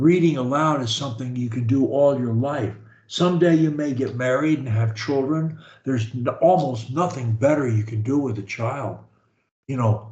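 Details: Adult male speaker; normal speech.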